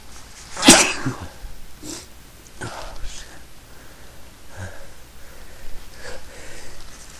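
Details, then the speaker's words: Person in a run of repeated sneezes, saying they can't stop: one sharp, explosive sneeze followed by quieter breathing and rustling. "like I have to sneeze. It's coming. Chew. No, sneeze again. Yeah. I can't stop."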